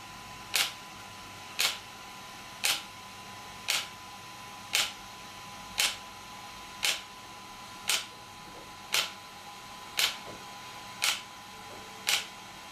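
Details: ESWT shock wave therapy device for muscle and bone pain relief: regular crisp clicking pulses, roughly one per second, with a faint background hum.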